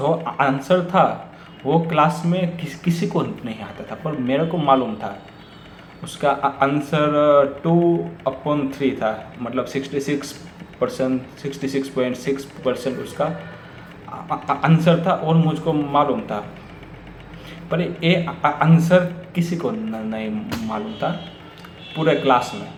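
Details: Real stuttering (stammering) in an adult man speaking Hindi, who says overthinking makes his stammer stronger.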